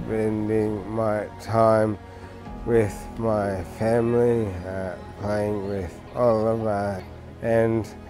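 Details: Adult man with bulbar motor neurone disease, diagnosed September 2020 and recorded about 12 months later, onset noticed suddenly as loss of tongue function; dysarthria.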